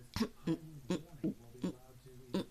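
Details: Vocal tic (grunting) in a woman with Tourette's whose current tics are mainly vocal, mostly grunting; recorded after a bad tic episode an hour earlier.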